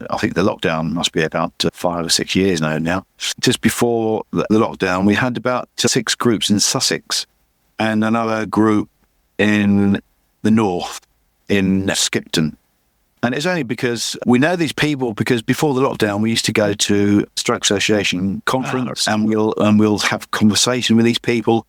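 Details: Adult man with chronic aphasia after a massive stroke about 11 years earlier; he still cannot read or write and says his speech is not great; repetitions heard; aphasia.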